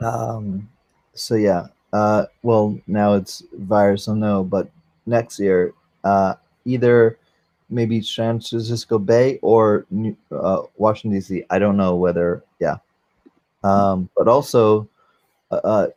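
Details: 44-year-old man, a former paramedic, with aphasia after a stroke during valve prolapse surgery; he cannot use one arm since the stroke; aphasia after stroke.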